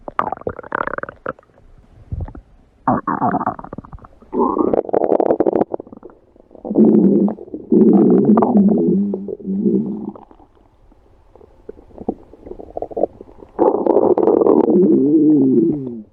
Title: Special Stomach Growl Video